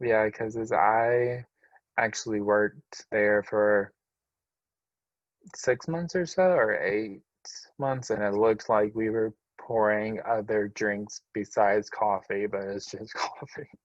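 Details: Male adult with apraxia of speech.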